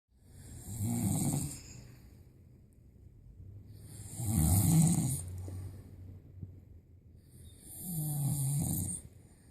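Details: Loud, low rattling snores about 16 a minute with quieter breathing between, ordinary heavy snoring from an owner while a schnauzer wakes up: snoring.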